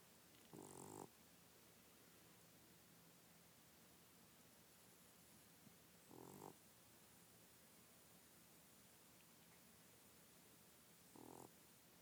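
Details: Brief, faint snoring sounds about every five seconds behind a loud steady hiss; soft snoring.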